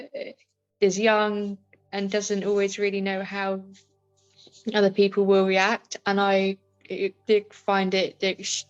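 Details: Adult woman with a stammer; stammering.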